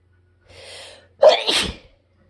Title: harsh sneeze fit from mowed grass